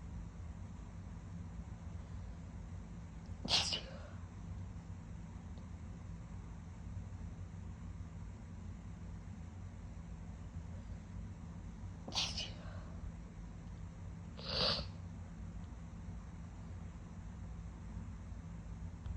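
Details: Three separate sharp, wet-sounding sneezes spread over about twenty seconds against steady low room hum; sniffly wet sneezing.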